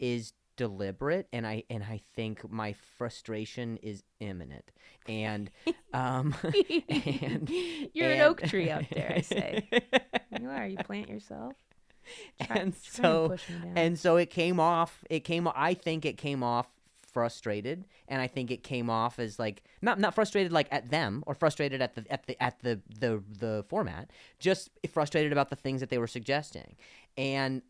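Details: Stuttering in an adult male comedian with a known speech impediment, heard as word and phrase repetitions in podcast conversation.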